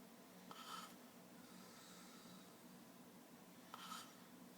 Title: SnoreFest #3: Light Snoring